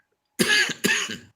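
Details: Cough due to acid reflux.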